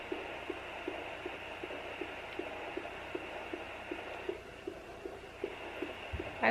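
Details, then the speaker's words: Fetal heartbeat at 13 weeks of pregnancy, found at home with a handheld baby Doppler. Fast, regular soft whooshing beats over Doppler hiss; the device reads 158 then 157 bpm, a normal fetal heart rate. "oh there can you guys hear that and it's saying that baby's heart rate is 158 157"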